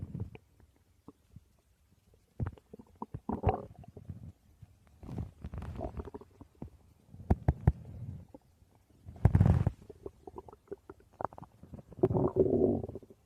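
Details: Person's stomach growling: irregular gurgling, rumbling bursts with quiet gaps between, from gas and fluid moving through the gut; ordinary borborygmi.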